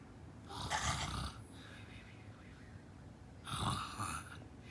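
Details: Nanay (mother) snoring during sleep: two long rasping snores about three seconds apart with quiet breathing between; snoring.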